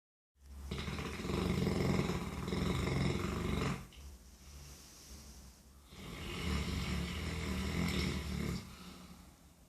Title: A snoRing dog, Bleki